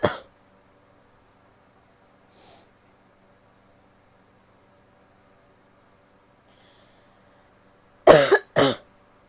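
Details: Coughing, female: a sharp cough at the start, then a long quiet pause, then two strong coughs in quick succession.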